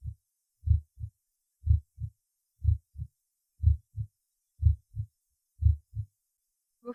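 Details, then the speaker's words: Normal heart sounds at the first auscultation point, the apex, where the mitral valve and left ventricle are assessed: regular heartbeat near 60/min with the first sound louder than the second. "в этой точке 1 тон оказывается громче 2 прослушайте нормальные тоны сердца на верхушке"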